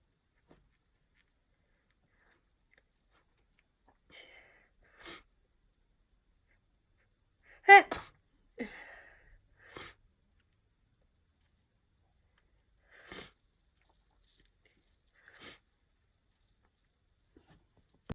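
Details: Person with a sniffly head cold for a few days: a few scattered sharp sneezes with soft sniffly breaths between them; sneezing.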